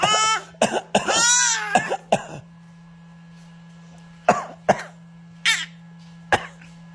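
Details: Voluntary fake coughing from an infant girl who has mimicked her parents' coughing for a couple of days: a few short, deliberate coughs and throat-clearing sounds, made on prompting rather than from illness.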